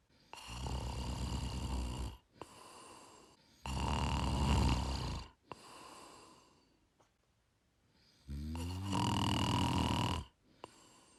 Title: Gentle Snoring Sound Effect